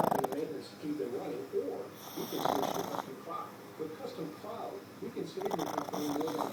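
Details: Two sleeping pugs snoring head to head, overlapping rhythmic rattling snores with snorty breaths in a quiet room.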